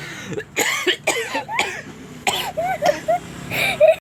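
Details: Laughter broken by several short coughing bursts and throat-clearing; coughing set off by laughing.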